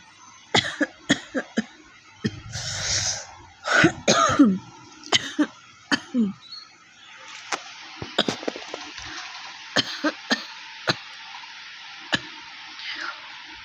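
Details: Repeated short dry coughs with throat clearing and laughter between them, from a person who says their cough is real and dry; cough challenge.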